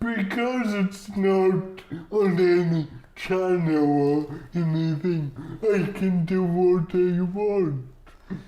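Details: Adult male comedian with cerebral palsy; dysarthria (cerebral palsy).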